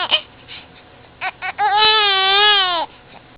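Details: Infant about 1.5–2 months old who often gets hiccups and hates them: a few short, abrupt catches of breath, then a sustained, wavering cry lasting about 1.5 seconds.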